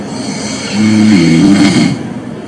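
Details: Sleep app audio recording of erratic snoring: a single loud, rough, snorting gasp rises out of quiet breathing, a hypopnea episode of sleep apnea, contrasted with typical snoring.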